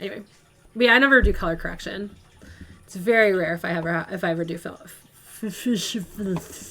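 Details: Woman who says she stutters, with a stutter moment she herself then points out; stuttering.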